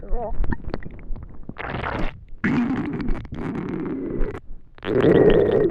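Gurgling and bubbling with low rumbles and a few squeaky tones, the stomach growling of hunger.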